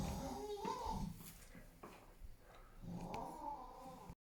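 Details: Very loud snoring from a sleeping friend: loud, rough, rattling breaths in and out, two long snore cycles with a pause between, in a quiet room.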